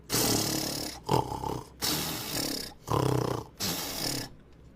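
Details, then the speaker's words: Simulated cartoon snoring of an animated elephant, a sound effect rather than a real animal: loud, rough, rasping snore-like bursts alternating in and out, about four in five seconds. "रानी के जोर से आती हुई नींद की आवाज। जैसे ही रानी सो जाती, पूरा जंगल गूंज उठता।"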